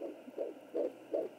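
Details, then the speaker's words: Fetal heartbeat at 12 weeks pregnant on a Sonoline B 3 MHz home Doppler: rapid, regular whooshing pulses about 150 beats a minute, faster than the mother's. "faster. It's not swishing. That's the baby."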